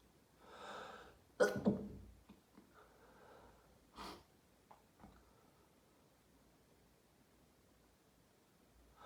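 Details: Daily sneezing fit after showering, tail end of the fit: a loud sneeze with an indrawn breath before it, then sniffs and small nasal snorts in a quiet room.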